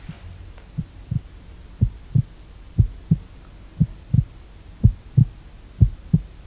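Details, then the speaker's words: Normal heart sounds in a simulated ASMR doctor-exam roleplay, stethoscope on the chest then the other side: steady paired lub-dub thumps about 60 per minute, strong and regular, no arrhythmia, BP stated 120/80. "Lovely, strong heartbeats, and again on the other side."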